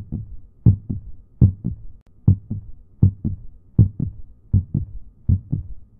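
Steady paired low thumps, a lub-dub rhythm at about 80 beats a minute, with faint low hum between beats: a heartbeat.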